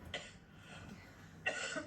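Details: Adult speaker coughing during a live TV discussion: two abrupt, harsh coughs about a second apart, part of an ongoing coughing fit.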